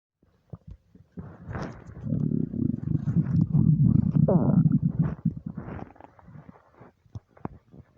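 Long, loud gurgling and rumbling with bubbly pops, typical of active stomach and bowel rumbling.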